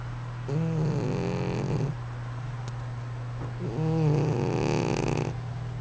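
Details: Snoring in a sleeping cat that the owner says snores like this all the time: two long, buzzing, low-pitched snores, each over a second, over a steady low room hum.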